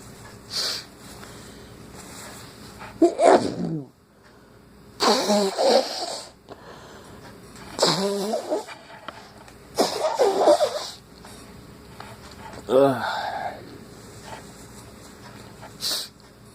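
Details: Morning sneezes in a person whose nose started running on waking: about five forceful sneezes spaced a few seconds apart over steady room noise; sneezing.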